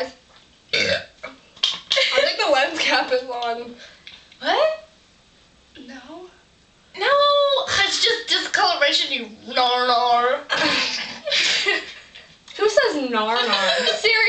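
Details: Three people having a burping contest: several loud, drawn-out voiced burps from more than one person, with talk between them in a small room.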